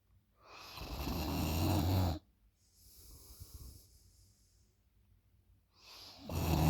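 Loud, rough, low-pitched snoring on an in-breath, a quiet out-breath, then the next snore starting; typical heavy snoring.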